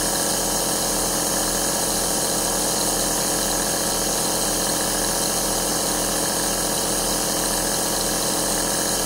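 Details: Compressor aerosol nebulizer running, recorded as ASMR white noise for relaxation and sleep: a steady loud mechanical hiss with a fast rattling pump pulse throughout, the nebulizer running normally.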